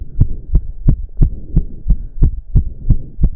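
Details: Male's very fast, regular, pounding heartbeat with heavy breathing during about 15 minutes of intense cardio, roughly 175 per minute, said to reach close to 200 bpm: exercise-induced tachycardia.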